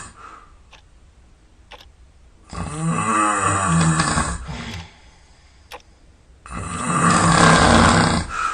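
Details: Sleeping at night, sound asleep and snoring all night: loud, rough, rattling inspiratory snores, two cycles about four seconds apart, in a quiet room.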